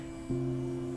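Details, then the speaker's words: Ultrasonic cavitation 2.5 handle tested by touching water at chosen energy: low background hiss, then a steady tonal hum starts abruptly on contact; the operating noise shows the handle is working even without heat or vibration. "you can hear the noise, it means the Yes. handle is working."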